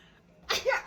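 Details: A mother's single quick, explosive sneeze after a brief quiet moment, followed by her 152-day-old baby's laughter; a sneeze.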